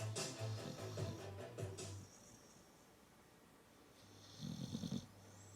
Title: snoring doggy dog